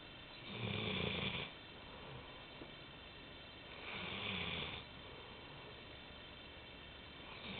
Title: Shamus the Golden Retriever snoring